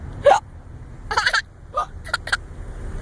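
Five short, sharp voiced gulps in about three seconds, an imitation of hiccups with faint background rumble.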